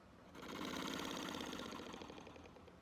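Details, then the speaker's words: Long exhaled breath through a handheld breathing-treatment device set to its hardest level (five), giving a deep fluttering rattle throughout; ASMR medical role-play, simulated patient in hospital for breathing help. "that'll give you a deeper deeper rattle a deeper treatment so let me show you what the five sounds like"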